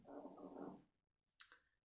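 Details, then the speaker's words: Small dog snoring: one rough, rattling snore, then a pause and a short breathy puff. "le ronfleur vous entendez c'est mon petit chien qui ronfle je vous jure que c'est vrai"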